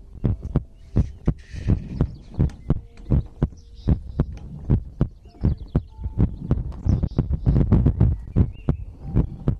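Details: Heartbeat recorded for ASMR heartbeat-and-breathing sleep content: strong, clear low lub-dub pairs, roughly 100 beats a minute, with faint background sounds; a normal heartbeat.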